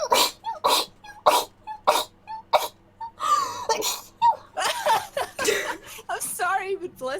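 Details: A string of short, high-pitched sneezes, several in quick succession, followed by brief vocal sounds, from a sneezing compilation.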